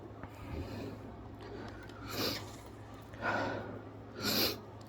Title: Hayfever Sneezing fit while playing video game - Spiderman 2